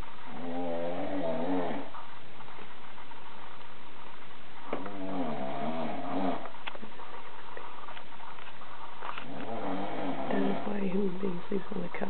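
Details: Human with three long, rough, fluttering breaths in a quiet room, each a few seconds with pauses between: loud snoring.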